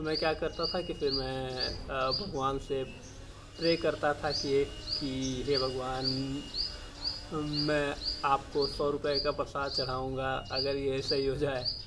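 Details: Adult male speaking Hindi; stammering.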